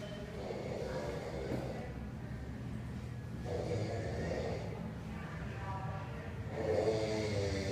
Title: Man sleeping on toilet at Walmart snoring it's just funny!!